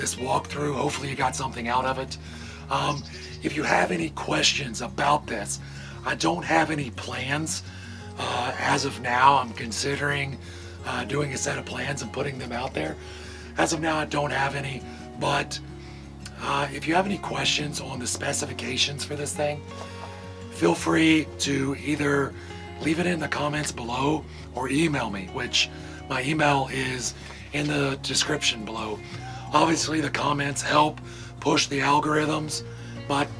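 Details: Adult male with vocal cord paralysis from surgery that damaged throat nerves and paralyzed the muscles acting on his vocal cords, making talking hard; he hopes it is temporary; vocal cord paralysis.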